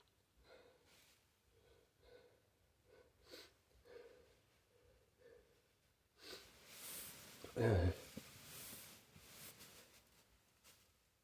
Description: There's a tickle in my nose... you better run... I think I'm gonna... Ahhh...